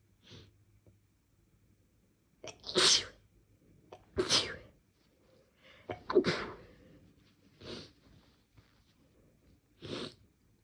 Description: I had been sneezing a lot more than usual that day (no apparent reason) and decided to induce a little to see what I could get out. Definitely wasn’t expecting as many as this!